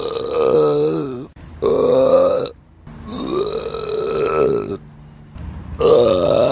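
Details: Three long, loud, voiced belches in a row, each drawn out for about a second, recorded on a Samsung Galaxy S9 phone; repeated burping.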